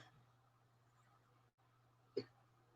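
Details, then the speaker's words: A single short, sharp hiccup in a quiet room, from an adult with ongoing eating problems that bring frequent hiccups and burping, here starting right after eating cheesecake. "Another issue with my eating problems is I get a lot of either hiccups or burping issues going on."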